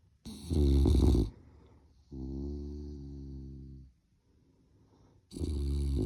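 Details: Puppy asleep in a crib in the morning, snoring: loud rumbling snores alternate with quieter drawn-out breaths in a quiet room.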